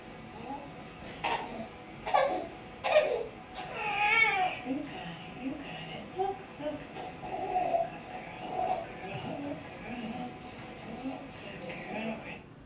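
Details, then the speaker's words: Infant with intermittent, harsh, low-pitched, not very musical inspiratory stridor between fussy cries; the most common presentation, attributed to laryngomalacia. "who thinks it's more inspiratory yeah that's more in spirt ory and it's also not very musical and it is intermittent which is really the most common patient that you will see"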